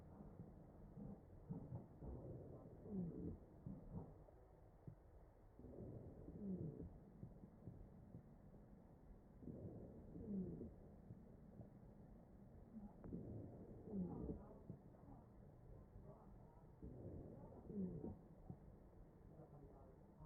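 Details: Ventilated patient's chest: ventilator-driven breaths at about 16 a minute, each carrying a low musical wheeze; wheezing.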